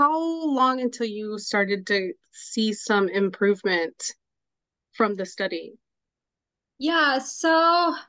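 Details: Adult woman speaking; normal fluent speech.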